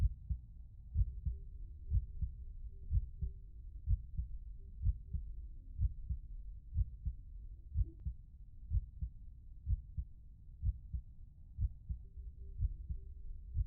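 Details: Steady, low thumping heartbeat at about 62 beats a minute with a regular rhythm.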